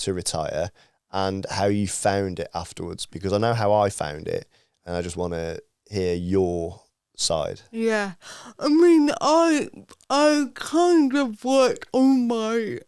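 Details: Adult woman with athetoid cerebral palsy from birth, Paralympic dressage rider whose speech is affected by it, previously self-conscious about her speech; dysarthria (cerebral palsy).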